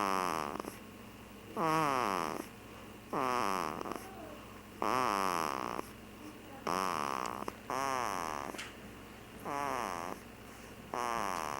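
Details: Loud, regular rattling snores about every 1.6 seconds, roughly 36 a minute, with quiet breathing between.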